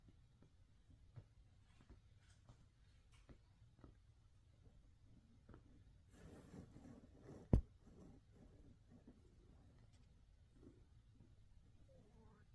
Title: making some late night biscuits...and my stomach growling 🙄